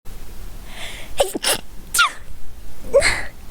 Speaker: Sorry, I had to sneeze. That sneeze removed the horror.